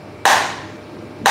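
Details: Extracorporeal shock wave lithotripsy of kidney stone in 41-year-old man, ultrasound-guided through water, 22/6/2022; two sharp snapping pulses about one second apart; lithotripsy shock waves.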